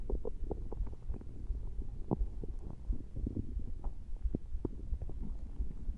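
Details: Male (Tex) stomach growling again from hunger: low, irregular gurgling and rumbling bowel sounds of an empty stomach.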